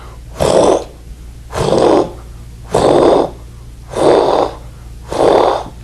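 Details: Simulated heart sounds on the Harvey cardiology manikin. Finding: holosystolic murmur.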